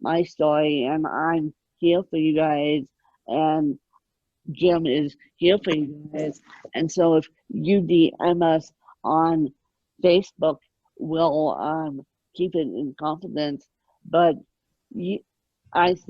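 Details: Adult woman with moderate ataxic cerebral palsy present since birth, attributed to lack of oxygen at birth; ataxic dysarthria (cerebral palsy).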